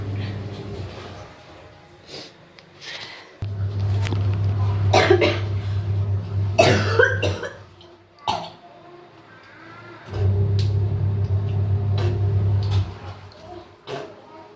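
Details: A child coughs again during cold and cough season, several short harsh coughs in bursts with a throat clear over a low hum and faint music.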